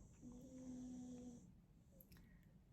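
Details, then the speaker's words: Background snoring from the speaker's sleeping dog: a single drawn-out, faintly whistling snore over quiet room hiss. "So if you can hear any snoring in the background, it's my dog"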